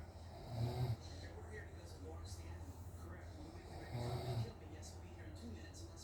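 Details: Father snoring during sleep, recorded by family because he doubted he snores: low rumbling snores about three seconds apart, roughly 18 breaths a minute, over a steady background hum.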